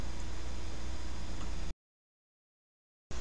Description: Your Aerosol Treatment Plan - Using Your Salter AIRE Plus Compressor and Salter Labs' #8900 Nebulizer